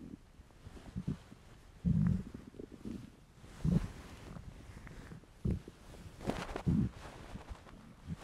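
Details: Male, hungry: low gurgling stomach rumbles in several bursts with quiet gaps between them; borborygmi, ordinary hunger bowel sounds.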